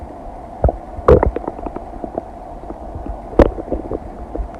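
Irregular gurgles, pops and low rumbles from the abdomen. Normal bowel sounds of digestion.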